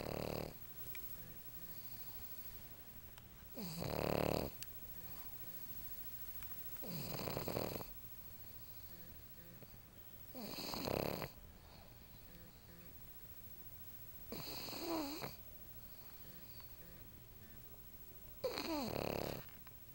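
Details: Lucy, a pug, sleeping when tired: loud, rough snores on each inhalation, about 15 a minute, with quiet breathing between, snoring in a flat-faced dog.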